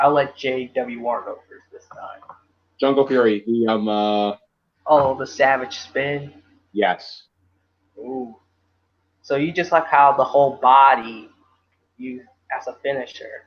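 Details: Adult male speaker; ordinary speech.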